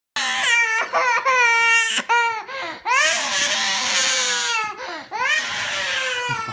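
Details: Child crying while a caregiver asks what's the matter and offers juice, with background music: loud, sustained wailing cries in long bursts, each ending with a gasping breath.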